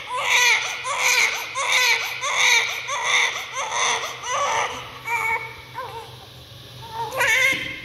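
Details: Strong, rhythmic first cry of a freshly born baby, repeated loud bursts tapering briefly before resuming; vigorous, healthy-sounding newborn cry.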